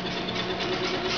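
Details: 10-year-old girl with cystic fibrosis on vest chest physiotherapy while using a hypertonic saline nebulizer attached to an Acapella device: steady mechanical buzzing hum of the high-frequency chest wall oscillation vest running.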